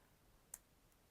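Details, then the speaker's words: Single sharp click against quiet room hiss, a joint cracking while an adult moves the head and circles the wrists during a guided meditation stretch. "Man, there are some crunches and cracks coming out of my body that don't sound good."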